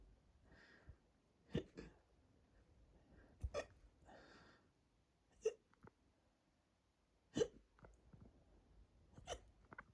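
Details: Hiccups with a bloated, tight stomach making them quieter, and they are hurting the chest and throat. Short, sharp hiccup jolts about every two seconds, roughly 30 a minute, in a quiet room.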